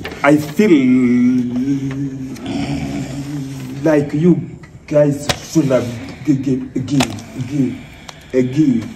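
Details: Acted stammering by a performer in a comedy skit, not a real disorder; stuttering (acted).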